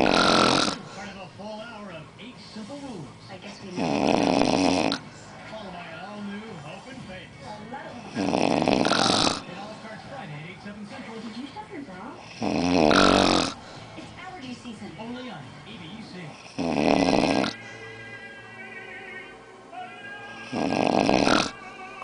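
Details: Snoring: loud, rattling snores at regular intervals, about 5 over 22 seconds, with quieter breathing between.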